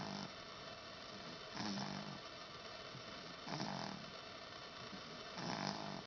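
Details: Repeated rough, buzzing snores on each inward breath, about 30 a minute, over a steady background hum: ordinary snoring.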